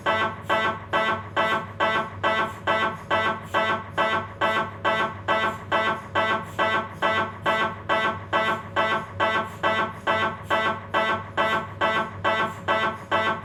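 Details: Loud, rapid, very regular buzzing pulses, about 136 a minute, over a steady hum; Philips 1.5T MRI scanner noise during a lower spine examination.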